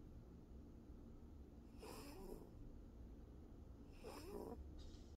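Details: About 7-year-old female lap cat napping on her owner, snoring: two snorting rattly snores a little over 2 seconds apart over low background rumble.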